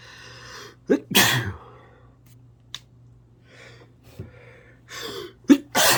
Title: 18+ sneezes